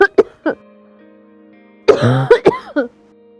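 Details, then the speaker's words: Several short, dry, unproductive coughs from an adult woman with a chronic dry cough present from waking to bedtime and sometimes in sleep, with soft background music. "So for me, it's like a dry cough that it just never goes away. Like I cough since the moment I wake up, and even when I go to bed, it's still there."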